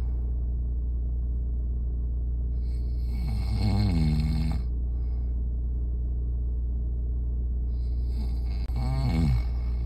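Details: Two loud, rattling snores about five seconds apart over a steady low background hum: snoring.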